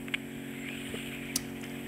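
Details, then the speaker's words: Ear wax microsuction with the eardrum visible: steady suction whine with louder slurping bursts as very sticky wax stuck around the canal bend is peeled away. "so we're just trying to peel away it was very sticky stuff this uh a bit of a faf to get it all out"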